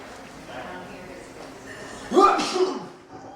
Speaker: it spread like an epidemic soon everyone was sneezing what I'm the last one left I I got to keep from sneezing I can't sneeze